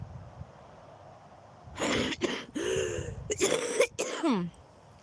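A short run of about four harsh, partly voiced coughs from an adult outdoors, with distant traffic rumble.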